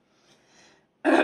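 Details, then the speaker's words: Quiet room, then one short harsh throat clear from a woman with a hoarse morning voice after a bad night, with a migraine coming on. "Alors, en plus, j'ai la voix. Voilà, c'est ma voix du matin. Donc, je vais être enrouée"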